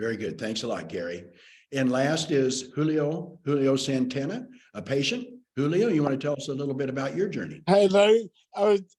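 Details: Adult male speaker; normal speech.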